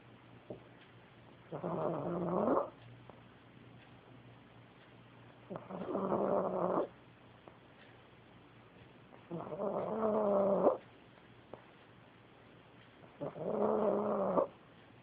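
Regular tonal, whistling snores with each breath, about 16 a minute, separated by quiet pauses.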